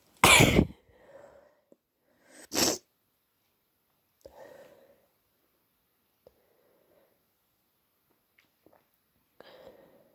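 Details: Two forceful sneezes a couple of seconds apart, with quiet sniffing and breathing between them, deliberately induced at 3am to ease the pressure of a badly blocked nose causing a headache.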